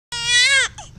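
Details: Infant crying from a baby girl: a single loud cry with a clear tonal pitch that rises slightly, then falls away.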